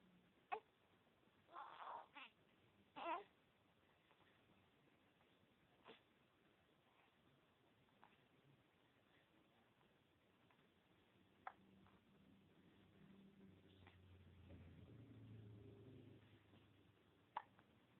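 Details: Infant boy with hiccups: soft, sharp little hiccup clicks every few seconds, with brief cooing sounds between them.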